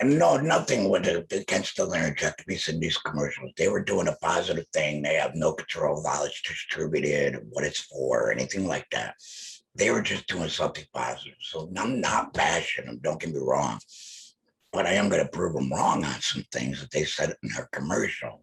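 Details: Alaryngeal speech from an adult male laryngectomee.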